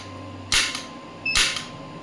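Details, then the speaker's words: Electromagnetic radial shockwave therapy applicator applied to elbow joint at 1 Hz, energy starting at 5 mJ and being increased: two sharp, loud clacking pulses about a second apart with faint device tone. "The frequency is 1 Hz and 5 millijoule. Let's see, frequency is 1 Hz only, the starting one, and the energy is 5 millijoule. So as you can see, I am increasing the energy now."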